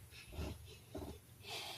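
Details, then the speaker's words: An adult sick with a really bad cold gives two or three short, wet nasal sniffs with hissy airflow from a runny, stuffy nose; nasal congestion sniffling. "As you could see, my nose is still running and stuffy, as you can hear."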